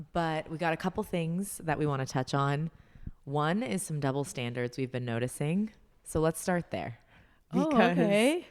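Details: Adult woman speaking; Normal voice.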